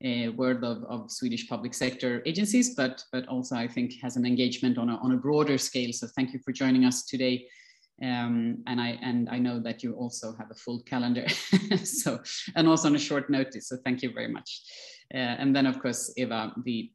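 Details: Adult speaker; normal conversational speech.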